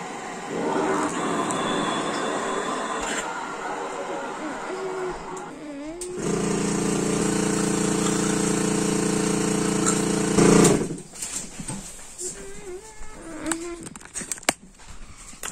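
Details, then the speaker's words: Young child using a mechanical insufflation-exsufflation (cough assist) device while standing in a stander, to help her breathe deeper: steady machine blowing with pressure cycles, a loud push, then a sharp switch to assisted cough. Oxygen saturation is 98% afterward. "right now we're going to do her cough assist standing up and hopefully that'll help her breathe a little bit deeper"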